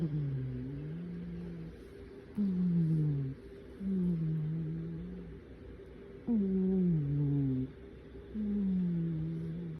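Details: Cat snoring in sleep: rhythmic, low, droning snores, each breath falling in pitch, about 14 breaths a minute.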